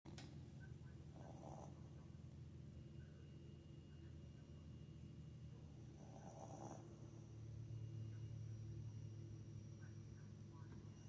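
Steady low rumbling breathing noise with two louder inhaled snores over eleven seconds, over constant low hum; snoring.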